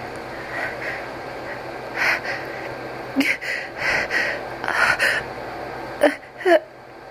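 Several catching, gasping inhalations build up, then end in two sharp sneezes.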